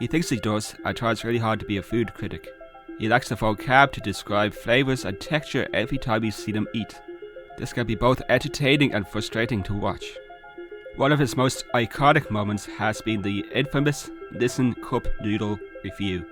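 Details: Adult male narrator; normal speech.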